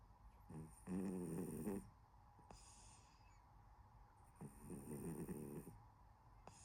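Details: Sleeping cat snoring: soft, rhythmic fluttering snores with quiet breaths between them, gentle and harmless; snoring.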